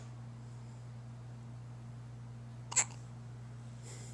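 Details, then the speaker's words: Little baby with hiccups: a single sharp, brief hiccup over a steady low room hum; an earlier hiccup sounded wet. "Got the hiccups. Oh, that one sounded wet. Yeah, here you go. But you wanted to change her anyway. It's a big hiccup from a little baby."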